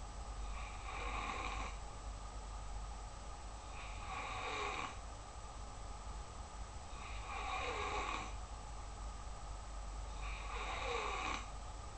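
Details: Snoring during sleep: four rattling snores about every three seconds, around 20 a minute, over steady low room hum.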